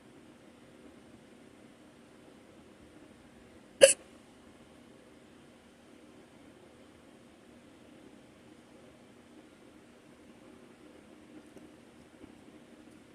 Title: Random morning hiccups - audio